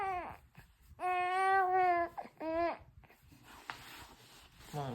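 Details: 4-month-old baby girl vocalizing after sneezing four times, apparently wanting to sit up: drawn-out voiced cries and fussing sounds with short pauses, then quiet room noise.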